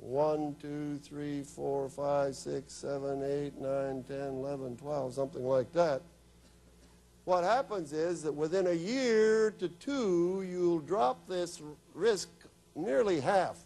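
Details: Adult man speaking; Normal speech.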